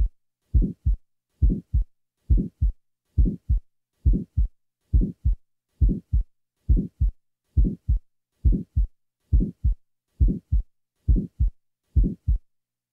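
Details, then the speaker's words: Early systolic murmur from a small muscular VSD; regular heartbeat about 68/min, murmur starting at S1 and fading by mid-systole. "this murmur is characteristic of the type of Children's VSD located in the muscular portion of the ventricular septum this defect may disappear with age this next example presents such a murmur"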